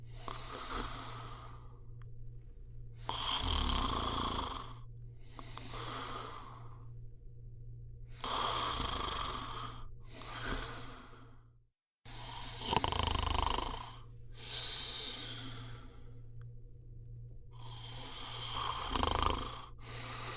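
Loud, rough, rasping breath noises repeat in a regular rhythm during sleep, typical of snoring.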